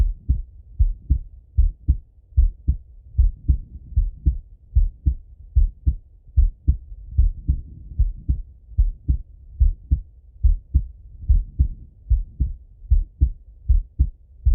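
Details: Male heart auscultation through a stethoscope, recorded either sitting at a desk or lying in bed: regular lub-dub heartbeat at about 75 beats a minute; normal heart sounds.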